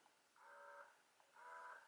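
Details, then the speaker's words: Motif Duo electric breast pump running on the lowest frequency setting (cycle one) while being stepped up through the frequency levels, with an audible difference between them; electric breast pump running. "you can noticeably hear a difference as well I'll do that again for you guys going upwards this time so right now I'm on the lowest frequency"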